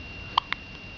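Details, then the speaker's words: Young cat's first hiccups: two brief, sharp squeaky clicks in a quiet room. "got the hiccups? Oh. It's your first little hiccups, huh?"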